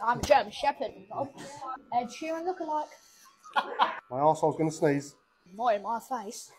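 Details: Vocal tics in a client with Tourette syndrome.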